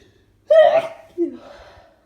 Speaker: Oh. Oh. God, so itchy. It's stuck. Oh, God. Look at it. Sneeze. Ugh.